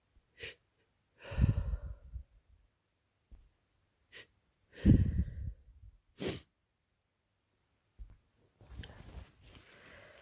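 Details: Person with a head cold (sore throat, very runny nose, heavy congestion): congested sniffs and sharp catching inhalations building into a couple of sneezes, with stuffy nasal breathing.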